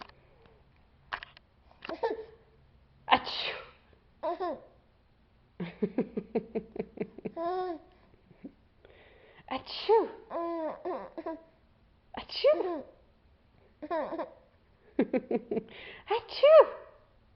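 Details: Young child sneezing amid vocal play, squeals and babbling, with a sharp burst of breath fitting a sneeze.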